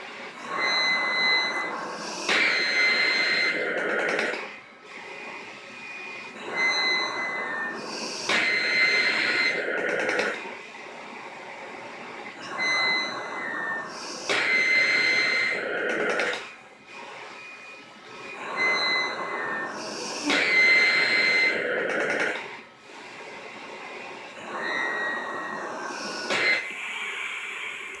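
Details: Mechanical insufflation-exsufflation (cough assist) machine cycling: rhythmic blower cycles, about ten a minute, alternately pushing and pulling air.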